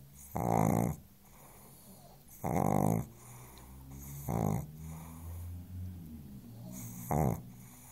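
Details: Pug fast asleep on the sofa snoring: loud, rumbling snores every two to three seconds, roughly 25 a minute; steady snoring.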